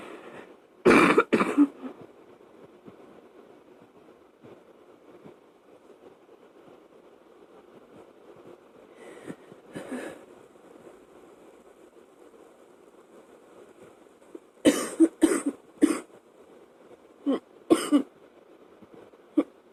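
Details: Adult woken from sleep at night by a chest cold gives a coughing fit of about nine short coughs in scattered clusters, over steady fan noise.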